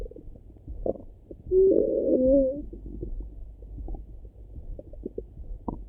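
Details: Morning stomach rumbling heard through a stethoscope: low gurgling rumble with a brief louder gurgle amid soft irregular clicks, ordinary bowel sounds (borborygmi).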